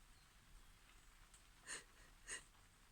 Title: Caught in the rain sneezes (f)